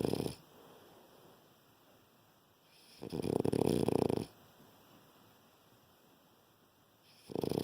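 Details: Tired sleeping puppy: loud, buzzing snores of about one second each, roughly every four seconds, with quiet between them; dog snoring.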